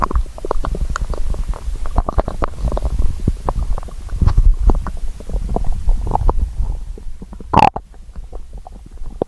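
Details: Hungry person's stomach growling: low gurgling and rumbling bowel sounds lasting several seconds; borborygmi.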